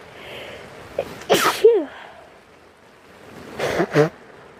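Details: Two sneezes, each a sharp inward gasp and explosive burst, from a person who is sick and sniffly, with light rain in the background; allergies are mentioned.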